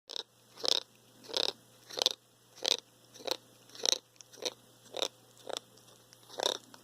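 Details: About ten sharp, crackly bursts, one with each chew, from a thinning cat with poor appetite, unchanged after dental cleaning, normal blood tests; abnormal eating noise.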